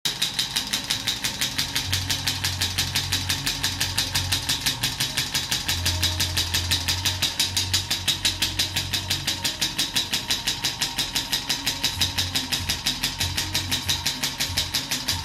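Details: Shockwave therapy applied to the knee: rapid, very regular sharp clicking pulses, about 176 a minute, over a low hum; shockwave therapy device firing.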